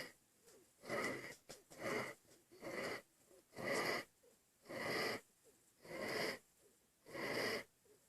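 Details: Infant breathing hard: harsh, noisy breaths, about 50 a minute, each with a rough whistling edge; laboured breathing.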